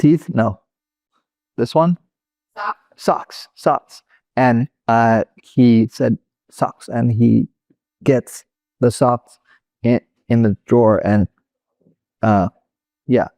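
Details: Adult male former critical care and flight paramedic with Broca's (non-fluent) aphasia caused by a stroke in 2007; finding: Broca's aphasia.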